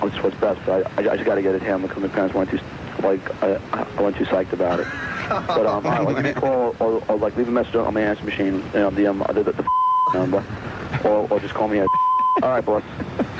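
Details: Adult man with a known stutter leaving an answering-machine message; real; the hosts call it possibly his worst stuttering episode ever, with repetitions and disorganized, hard-to-follow delivery; stuttering.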